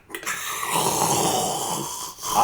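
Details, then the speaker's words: Adult imitating a friend's loud snoring, described as chainsaw-like: one long, harsh, rattling inhaled rasp of about two seconds; simulated, not real snoring. "I've been I've been told that it's uh akin to the sound of a chainsaw yeah very chainsaw"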